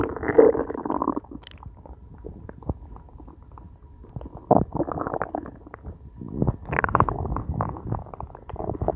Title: Hungry stomach growling